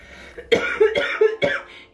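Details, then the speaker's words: Three quick, harsh coughs in a row from an adult woman after days of illness she likens to tonsillitis; persistent cough that has strained her voice, in a quiet room. "Jag har hostat så mycket. Så jag kunde inte prata de dagarna efter det, eftersom jag hade hostat så mycket."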